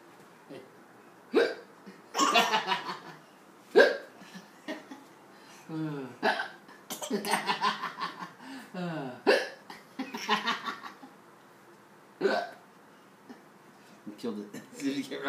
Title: Hiccups are funny!